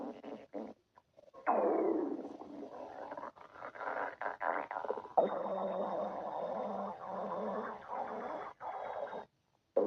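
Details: Long, low gurgling and rumbling groans with squeaky, drawn-out tones and brief gaps: stomach growling (borborygmi).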